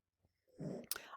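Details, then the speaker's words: Dog snoring in a quiet room: brief low, rattling breath noise ending in a sharper burst. "that's my dog snoring if you can hear that"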